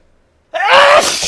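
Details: Adult male with allergies in a sudden allergic sneezing fit, recorded from about the 7th sneeze, turned away from the microphone: single loud, voiced sneeze after a brief silence.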